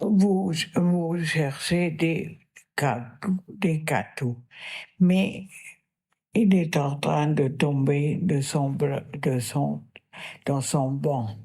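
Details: Woman with non-fluent aphasia caused by a left-hemisphere lesion, speaking with effort while describing a picture; non-fluent aphasia.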